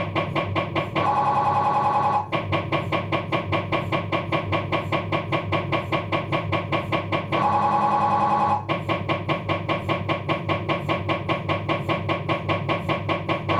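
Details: Abdominal MRI on a Philips 1.5T scanner: loud rapid mechanical knocking broken by two stretches of high droning tone, typical scanner noise during a sequence.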